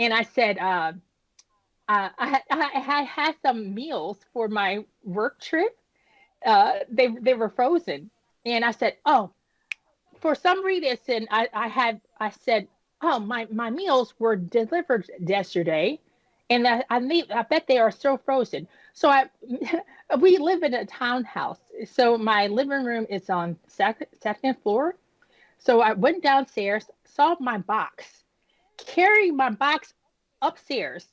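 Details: Woman nearly 10 years after an ischemic stroke at age 36 that damaged about a third of her brain, including the speech center, initially leaving her unable to speak; she has repetitions and word-finding pauses from post-stroke aphasia and apraxia of speech.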